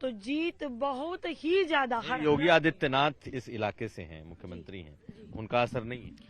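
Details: Adult speakers, mainly a man asking a question; normal voice.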